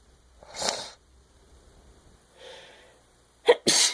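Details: Several separate sneezes with gaps between them, the last ones sharp and loud; repeated sneezing.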